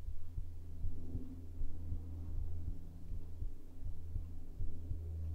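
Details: ASMR heartbeat recording, tagged as made with a binaural microphone: soft, regular low thumps at about 78 a minute over a steady deep hum, a heartbeat.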